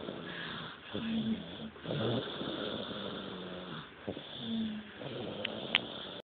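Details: Loud, rough snoring from a sleeping baby, with a buzzing, whistly edge to the breaths; very loud infant snoring.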